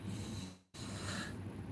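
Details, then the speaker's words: Throat clearing with phlegm from a sick adult with a bad cough: two short, low, rasping, wet, rattly clears of lingering phlegm. "Yeah, you can hear like the lingering, nasty phlegm shit in my throat."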